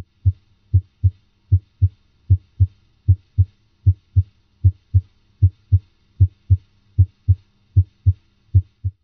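Regular, crisp lub-dub pairs at about 75 beats a minute, with no extra sounds between beats: normal heart sounds at the apex, where the first sound is louder.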